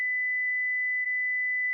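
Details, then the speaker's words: Steady high-pitched tone under two seconds from a Philips HeartStart FRx AED delivering a shock after the "press the flashing orange button" prompt, in a training demonstration. "shock advised stay clear of patient press the flashing orange button now deliver shock now"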